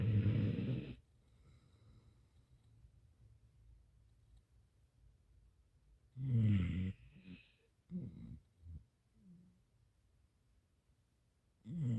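Loud, deep rattling snores with long quiet pauses between breaths, plus a few softer snorts, from a large sleeping dog.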